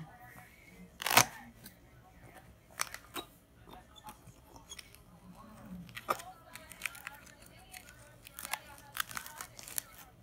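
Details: Intermittent cracking and crunching as shears cut through a plaster arm cast from a broken arm (rugby injury), with quiet talk in a small room; reddened, smelly dead skin beneath; cast removal with cast shears.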